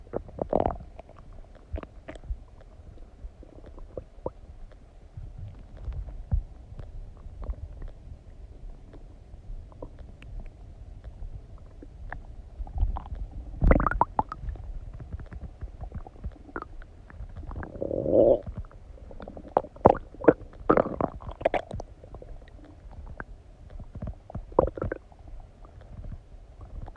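Irregular gurgling and rumbling bowel sounds from the abdomen after eating, with scattered clicks and longer gurgles.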